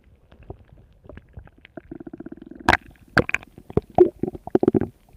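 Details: Stomach growling: irregular low gurgles and bubbling pulses from moving gas and fluid.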